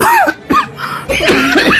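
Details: Loud, voiced, exaggerated coughs from an adult, acted for comedy rather than a genuine cough.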